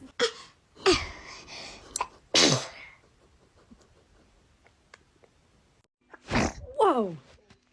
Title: Baby Sneezing – Too Cute 😂👶🤧